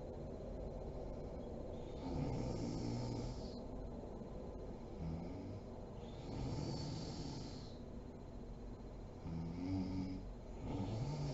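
Slow, rough, rattling snores on the in-breath, repeating every few seconds through steady room noise, typical of an adult snoring in sleep.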